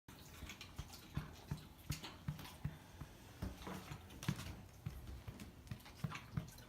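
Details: Boxer dog (female) with a persistent dry hacking cough and dry heaving, breathing fine and not panting, sometimes vomiting white/yellow bile; rapid run of short dry coughs and retching grunts. Later diagnosed with cancer; cough cause undetermined.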